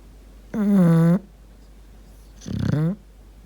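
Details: Snoring: deaf English bulldog puppy, very tired after playing in a cow field all day, makes odd noises while napping: a drawn-out whine-like tone, then a rough fluttering snort rising into a squeaky note.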